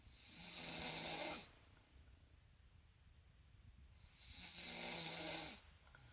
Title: Snoring queen